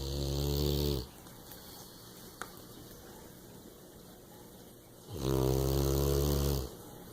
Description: She snores but she's a keeper !